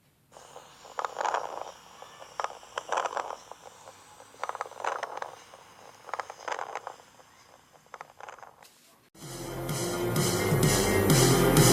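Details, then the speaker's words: Wheezes: continuous high-frequency whistling sounds from airway obstruction, heard in decompensated asthma on inspiration and expiration and in chronic obstructive bronchial disease. "sibilancias son ruidos continuos de alta frecuencia como silvidos se producen cuando existe obstrucción de las vías aéreas"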